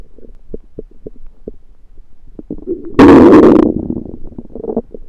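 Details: Borborygmi: gurgling and squelching belly noises with one loud, long rumble, late after eating a home-cooked meal the person thinks was undercooked, late February 2023.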